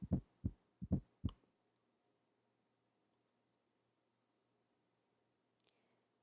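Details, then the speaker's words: A brief run of low heart thumps, each with an extra soft beat just before the main sound in a "Tennessee" cadence, taught as a possible sign of active left ventricular ischemia with a non-compliant ventricle: an S4 gallop. "you can remember the sound of an s4 by remembering that it has the same cadence as the word tennessee where 10 is the extra heart sound let's listen tennessee tennessee"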